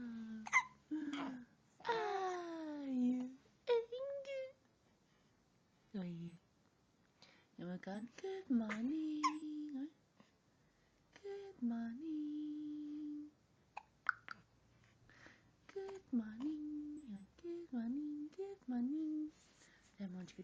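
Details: A small child babbles and vocalizes in a quiet room, broken by short, sudden catches in the voice: hiccups.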